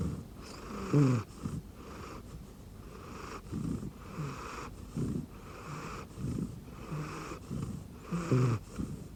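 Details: Sleeping rescue cat snoring on an arm pillow under a blanket: soft, rhythmic snuffling snores with purring at times.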